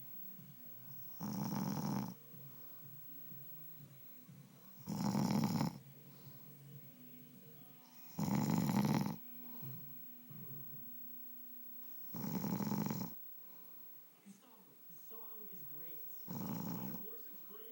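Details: Husband snoring in sleep: five loud, rough snoring bursts about every 4 seconds, roughly 15 a minute, with quiet pauses between them in a still room.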